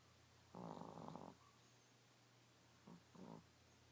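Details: Chihuahua snoring: short buzzing, fluttery breaths, one longer and two brief, in a quiet room; snoring.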